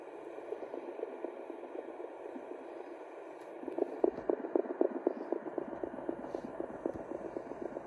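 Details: Rapid, regular whooshing pulses on Doppler, about 230 a minute: puppy heartbeats in a Morkie dog six weeks pregnant with her second litter.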